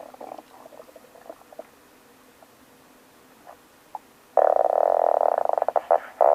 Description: this my stomach when i woke up